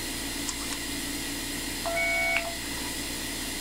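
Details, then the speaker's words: A short electronic beep over a steady machine hum from an iTero digital intraoral scanner during a dental scan; each beep marks a capture of 100,000 laser points. "every time you hear that beep there's 100,000 points of laser light that are being sent out and then reflected back into the little sensor that you're seeing right here"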